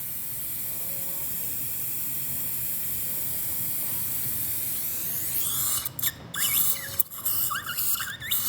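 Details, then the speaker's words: Dental handpiece driving a mini dental implant the rest of the way into bone on a very thin ridge: steady high whine, then stuttering pulses and squeals. "We know that that's solid in bone, doesn't move, not moving back and forth buccal lingual. So we'll place it the rest of the way using the hand piece."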